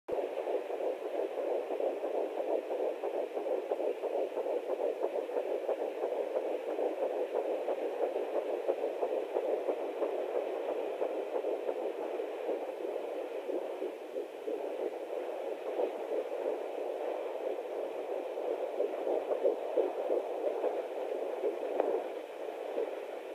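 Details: Fetal heartbeat at 10 weeks of pregnancy, finally found with a Doppler: rapid whooshing pulse through static at about 180 beats per minute.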